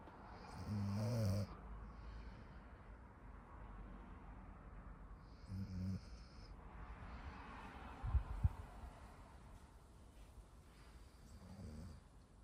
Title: Full Minute of Snoring - Golden Retriever